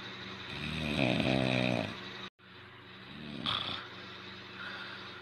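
Slow rumbling, fluttering breaths in sleep, one loud and one softer; snoring.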